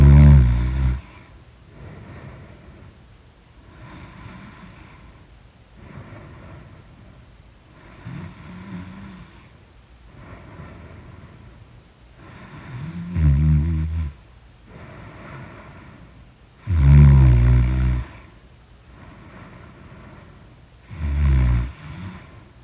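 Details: Loud, deep, rattling snores on breaths about every four seconds, roughly 15 a minute, with quieter breathing between; heavy snoring in deep sleep.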